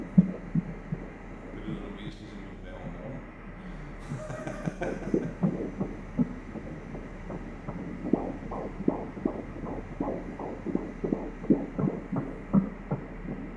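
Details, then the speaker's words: Fetal heartbeat on ultrasound Doppler at 13 weeks, first pregnancy, single male fetus, sound changing as he moves: rapid rhythmic whooshing pulses at about 160 a minute; normal fetal heartbeat. "Lyden ændrer sig lidt, fordi han bevæger sig."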